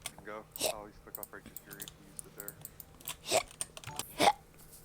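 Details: Adult streamer hiccupping while talking during a gaming livestream: short voiced speech and key clicks broken by sudden sharp hiccup gulps; hiccups.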